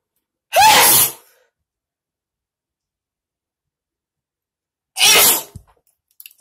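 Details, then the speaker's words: Person in a bathroom during a repeated sneezing fit, left with a slight headache: two loud, explosive sneezes a few seconds apart in a quiet small room. "okay okay okay you cannot sneeze all right i don't know how many times that was but that was [ __ ] annoying i got a slight headache after that"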